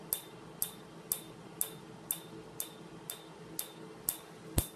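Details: PicoWay picosecond laser tattoo removal, first session on a patient's large back tattoo: sharp regular snapping clicks about two per second, ten in all; patient rates pain about 6 out of 10, tolerable.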